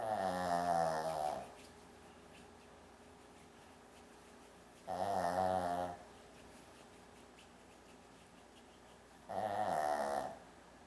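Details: Shih Tzu dog snoring like a person: three loud, rumbling snores about 4 seconds apart, about 14 breaths a minute.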